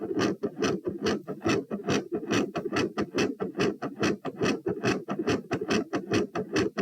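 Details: Heart sounds recorded at position P while standing: fast rate with a quiet S1 and a loud S2, i.e. tachycardia with quiet S1 and loud S2.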